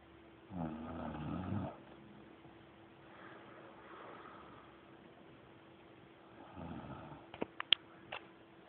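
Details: Person snoring: two to three rough, rattling breath sounds over a steady background hum, with a few clicks near the end.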